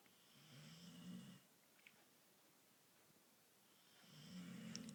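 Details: Irish Bull Terrier dog, half asleep: two low, fluttering snores about three and a half seconds apart with quiet breathing between; snoring.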